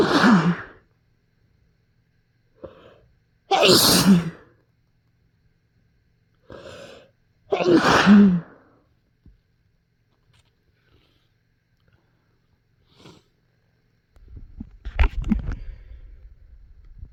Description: induced sneezes some kinda restrained and some into tissues but mostly the normal ones